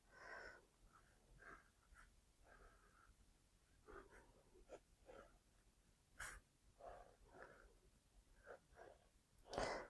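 Soft, repeated snuffling and wheezy breath noises from a sleeping dog in a quiet room, with a sharper snort near the end; dog snoring.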